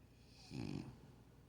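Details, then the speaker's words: Sleeping French Bulldog snoring, only warming up before louder snoring: a single low, rough, rattling snore of about half a second, then quiet room noise. "never seen a dog snore, and he's just warming up. This ain't nothing."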